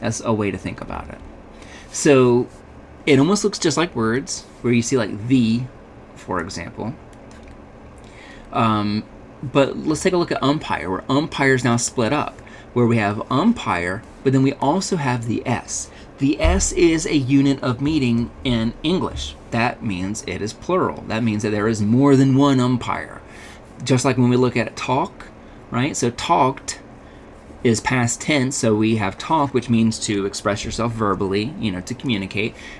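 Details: Adult male speaker; Normal speech.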